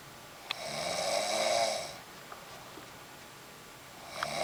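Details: Snoring during sleep.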